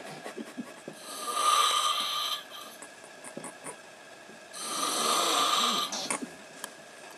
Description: Snoring louder and louder until you go away